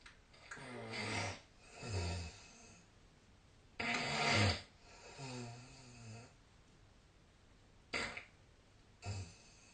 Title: 🐽 本日のイビキ / Snoring Sleep Sound 2025/03/22